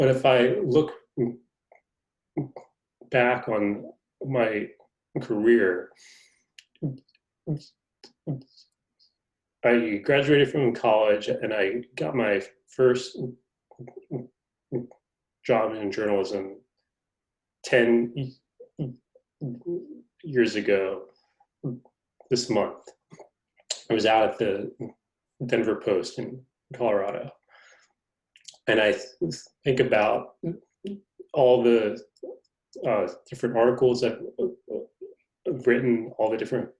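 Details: Adult male reporter who is a person who stutters, noted to have a pronounced stutter; stuttering.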